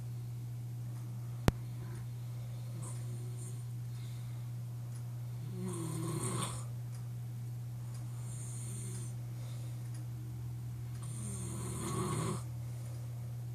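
Loud rattling snores on breathing in, about every five to six seconds, over a steady low room hum.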